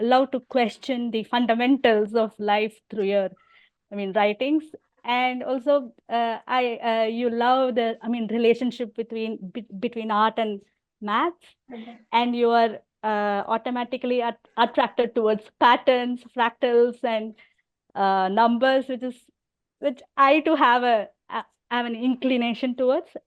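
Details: An adult woman who stammers and also has hearing loss; stammering (stuttering).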